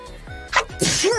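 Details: A single sneeze from an adult woman: a quick voiced intake, then a sharp hissing burst trailing into a brief vocal sound, over faint background music.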